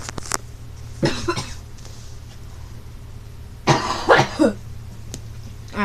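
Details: Person who is sick and not feeling well, coughing while filming a plush collection: two bouts of short, harsh coughs, the second with three or four quick bursts, over quiet room hum.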